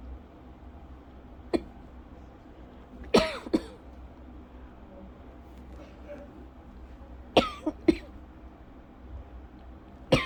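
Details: Lingering cough over a month after illness, with a scratchy throat, in a person with asthma (this bout did not trigger an asthma cough): about six short, dry coughs over ten seconds, some in pairs.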